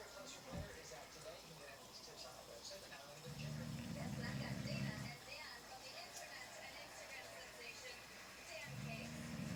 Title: Pablo English Bulldog snoring